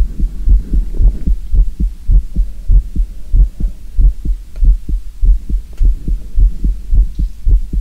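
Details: Real human heartbeat recording: steady, deep thumping at about 100 beats per minute over a low hum; a normal heartbeat.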